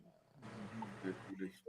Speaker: Yeah, pugs be snoring like crazy. Oh, now we hear it.